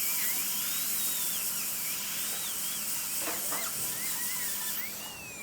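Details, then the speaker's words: Dental drill removing dead tooth material from a big cavity behind the carnassial molar of a 6-year-old Labrador with dental caries, during a dental filling procedure; steady high-pitched whine rising and falling in pitch. "So you can see this uh that I I'm I'm going inside and from inside this little dome shape inside a little more and I'm trying to remove whatever the dead portion of the teeth is there the material inside."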